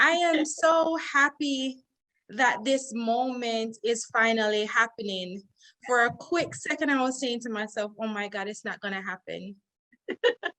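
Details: Adult woman speaking; normal speech.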